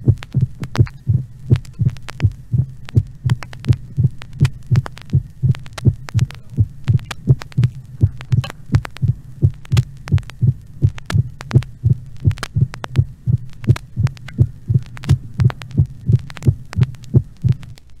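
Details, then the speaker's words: Regular low heart sounds recorded at the cardiac apex in mitral stenosis, with a sharp extra sound after the second sound; opening snap of mitral stenosis. "encore un rétrécissement mitral écouez très attentivement le bruit de rappel ou claquement d'ouverture de la mitrale enregistré dans la région de la pointe du cœur"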